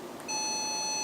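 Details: Physica Med therapy laser with surgical handpiece, continuous mode set to 15: a steady high-pitched electronic tone starts and holds, the laser emission beep while running.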